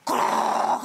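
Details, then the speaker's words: Imitated snoring: a loud, rough snort after breathing stops during sleep, as a wife describes hearing from her husband, the gasping snort on resuming breathing after a sleep apnea pause. "그 자다가게 멈추면 갑자기 걱정돼서 귀 대보면롱"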